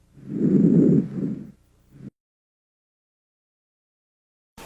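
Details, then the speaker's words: Normal vesicular breath sounds on chest auscultation over the peripheral lung base: a soft, low-intensity, low-pitched rustling murmur, heard best on inspiration, with a longer inspiration and a brief, faint expiration. "el murmullo vesicular sonido de baja intensidad tono grave como un murmullo se localiza en el pulmón periférico en su base y se escucha mejor en la inspiración"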